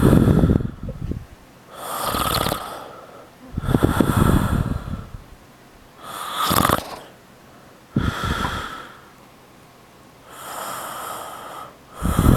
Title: Daddy-snoring